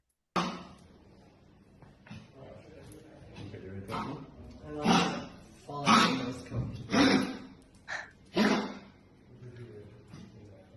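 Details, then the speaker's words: Obese old dog with a cushiony coat: run of paroxysmal, dry, hacking coughs in quick bursts; suspected tracheal collapse or dynamic airway disease, possibly tracheobronchitis or infectious disease. "So I don't know what's causing it, but that was a very paroxysmal, dry, hacking cough, wasn't it? Paroxysmal."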